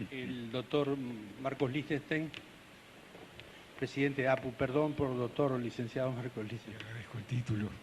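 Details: Adult man speaking; normal voice.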